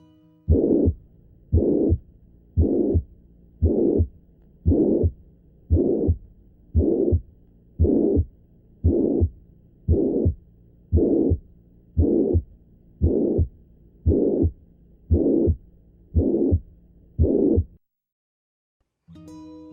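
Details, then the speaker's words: Pediatric ventricular septal defect: turbulent flow heard as a holosystolic murmur at the lower left sternal border; when very intense, heard across the whole precordium with a palpable thrill along the left sternal border. "Esto genera un flujo turbulento que se ausculta como soplo holosistólico en el borde esternal izquierdo inferior."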